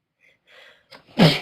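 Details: A girl with hay fever takes quick soft indrawn breaths building to one sharp, explosive sneeze; sneezing.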